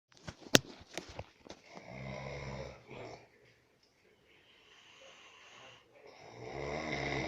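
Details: Adult man snoring: a few soft knocks, then repeated rough buzzing snores on inhaling with quiet pauses between them.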